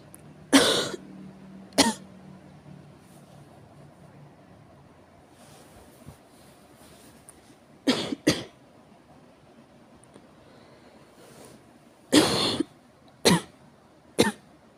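About eight harsh, explosive coughs in clusters over fifteen seconds, some paired, with quiet room noise between them.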